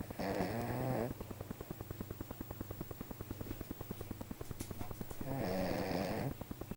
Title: snores as the crown shuts is doors on sunday 046.AVI